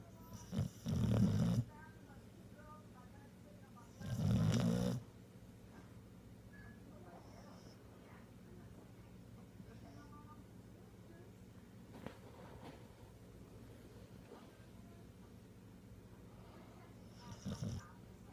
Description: Pitbull puppy snores when my hand is resting on his neck and stops when i take it off.